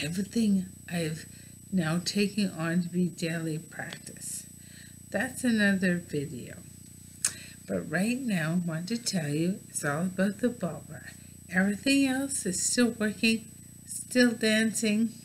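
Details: Adult woman with bulbar ALS; mouth and some tongue muscles no longer working from loss of nerve signals for voluntary movement, noticeable in her talking; dysarthria (bulbar ALS).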